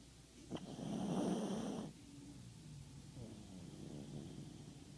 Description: Our little zig is fast asleep and snoring!!!